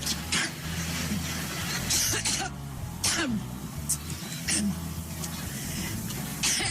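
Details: Repeated short coughs and throat clearing in a bout during a campaign speech, described as lasting almost five minutes, over low room noise: a coughing fit.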